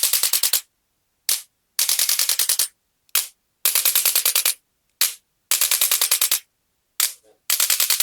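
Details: Male patient with L3–L4–L5–S1 disc bulges and bilateral sciatica with difficulty walking: several volleys of rapid sharp mechanical clicks with short pauses, from a chiropractic adjusting instrument.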